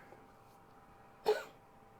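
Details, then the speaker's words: A pet cat's cough: a single short, harsh cough-like burst against quiet room noise; the owner wonders whether something herbal is stuck. "You might be able to hear the cat coughing at the moment while I'm waiting for Shutter 2 to make some kind of..."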